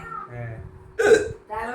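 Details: Single sharp, voiced hiccup interrupting a child's soft vocalizing, with quiet background music.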